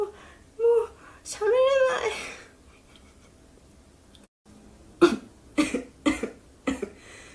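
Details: Girl's repeated dry cough: a few voiced sounds, then four short, sharp coughs in a quiet small room; she worries whether it will clear up in time.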